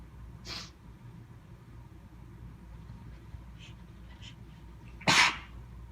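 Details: Person sneezing during an itchy, drawn-out sneezing fit with long waits between sneezes; two sneezes, a soft one then a loud forceful one, after a long pause, over low room hum.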